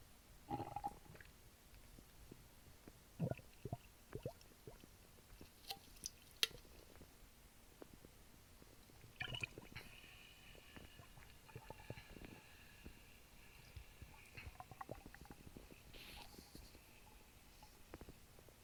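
Quiet gurgles, squelches and fizzing swallow sounds from the stomach while drinking soda; ordinary digestive noise.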